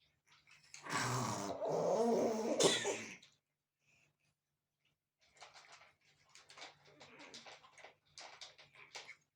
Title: Котенок Филя громко кашляет